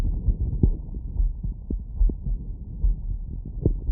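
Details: Heart sounds through a stethoscope while lying down after a workload: low, regular heartbeat thumps at about 73 beats a minute with some rumbling noise; normal heart sounds.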